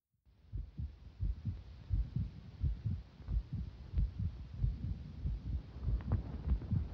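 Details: Cycling heartbeat recorded during exercise: fast, fairly regular low thumping near 92 a minute with background hum; person reports feeling a number of skipped beats along the way.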